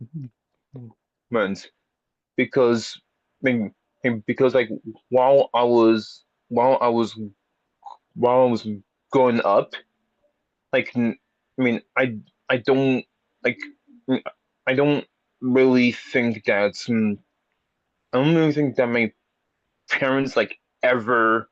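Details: Stuttering in a lifelong stutterer who is a speech-language pathologist; repetitions heard.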